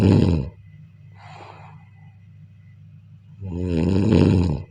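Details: Snoring during sleep: a soft breathy inhalation, then a loud rough rattling snore on the next breath.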